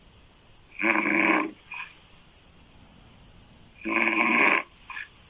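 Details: Loud open-mouth snoring in a female: two harsh, rattling inhaled snores about three seconds apart, each followed by a brief softer snort, over quiet room noise.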